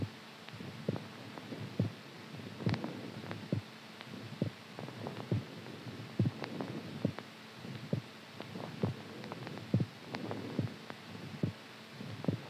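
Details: Regular soft thumping heartbeat about 70 per minute over a steady background hum; heartbeat.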